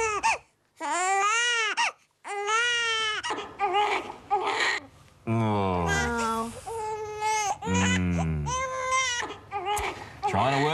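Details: Loud, insistent baby crying in rising and falling wails with short gasping breaths between; an upset baby that won't stop crying, played in a TV segment on calming crying babies; infant crying.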